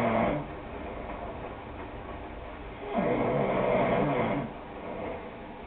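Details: A person snoring: two long, rough snoring breaths about three seconds apart over steady low background noise.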